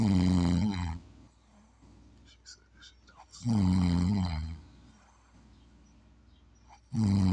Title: snoring 3 #unidentifyed